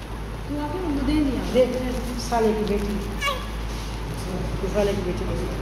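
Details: Newborn baby girl crying shortly after an evening birth during cleaning: short wavering cries over steady room noise and low background voices; a normal newborn cry.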